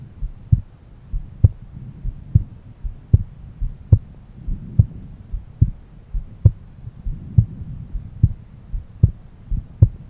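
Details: Own heartbeat auscultated at different valve areas: steady, regular lub-dub through a stethoscope at about 72 beats per minute with soft background hum; normal heart sounds.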